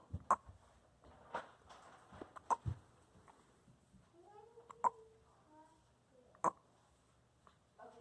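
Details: Baby with hiccups while holding father's hand: five short, sharp, irregular catches in breathing over eight seconds, with soft vocal sounds between; infant hiccups.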